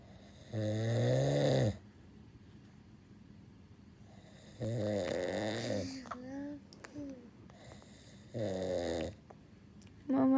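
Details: A father snoring while hugging his baby, who cannot move and cries: loud, rattling snores about a second long, three breaths in ten seconds, with the baby's whimper between them; ordinary heavy snoring.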